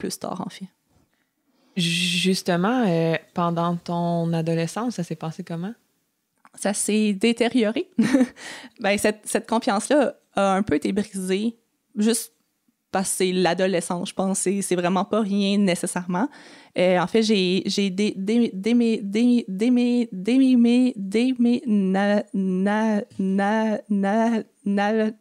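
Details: Stuttering in an adult woman who has stuttered since age 6 and had four or five speech therapies in primary school, secondary school and university.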